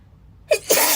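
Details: Girl sneezing during a read-aloud: a quick indrawn breath followed by one sharp, hissing ordinary sneeze.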